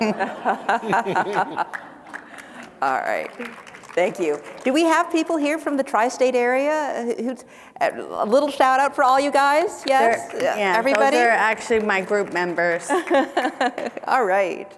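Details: Adult woman speaking; typical speech.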